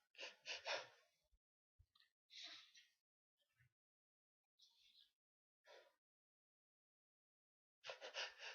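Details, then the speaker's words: Sneezing fit while alone: several sharp sneeze bursts, a pair at the start and another at the end, with quieter breaths and intakes between. "Oh. Oh no. It's not. It's another one coming. Knew there was one. How many are we gonna get? Oh dear, bless me."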